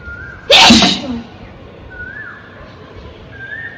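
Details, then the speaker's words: One loud, explosive sneeze, forceful enough to knock off the woman's bindi, with birdsong in the background, during a sneezing and nose-blowing challenge; sneeze. "मेरा बिंदी खुल गया, छींकने से। देखिए बिंदी जो पहनी थी वो खुल गया।"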